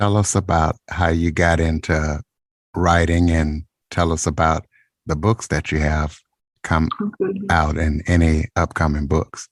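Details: Adult man speaking; Normal speech.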